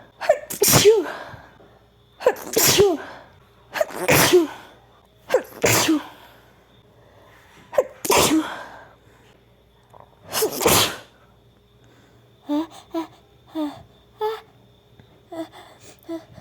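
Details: Female in a run of 21 rapid sneezes: six forceful sneezes in quick succession, each with a sharp inhaled build-up, then softer sniffs and catches.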